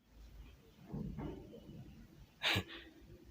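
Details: A soft breathy intake, then one sharp abrupt catch of breath: a single hiccup.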